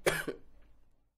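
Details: Acted adult young male cough: one sharp, explosive cough with a brief second burst fading in a quiet room, 5-second sound-effect recording.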